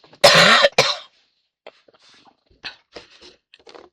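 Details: An adult woman with a hoarse voice gives a loud throat clear then a short cough, followed by faint rustling and quiet room sounds.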